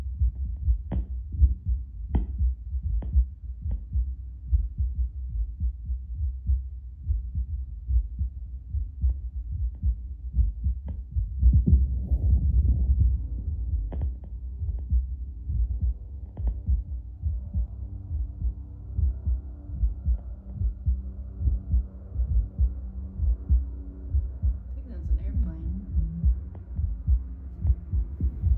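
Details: An adult's own heartbeat through a Bluetooth Littmann CORE stethoscope, played on a speaker at baseline before espresso. The beat is steady and regular at about 70–75 per minute, with normal heart sounds.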